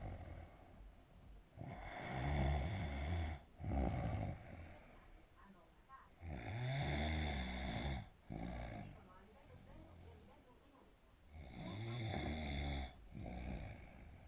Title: snoring away 🤣🤣